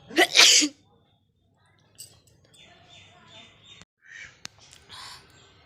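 One loud, sharp, deliberately performed sneeze with a quick catch before the burst, followed by quiet background with faint bird-like chirps.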